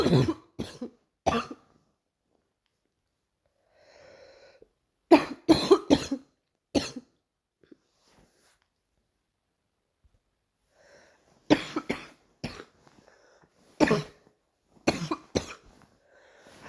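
Three bouts of short, sharp coughs in pairs and triplets, about a dozen coughs in all, with quiet breathing between bouts: a recurring cough.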